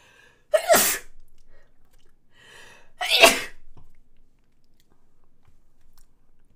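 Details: A person sneezes and then remarks that their nose had been very itchy.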